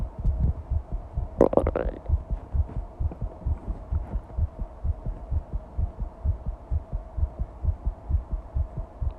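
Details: Fast heartbeat recording: rapid, regular low heart thumps at about 130 beats a minute; tachycardia.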